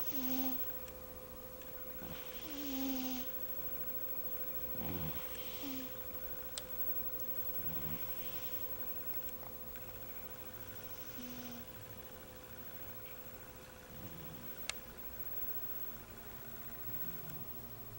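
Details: Snoring in a cat: snuffly breaths with short nasal snorts recurring about 23 times a minute over a faint steady room hum.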